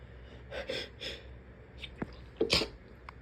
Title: Some covered sneezes ￼